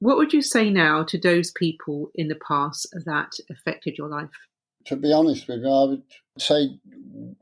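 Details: Adult speakers in a small room; conversational speech.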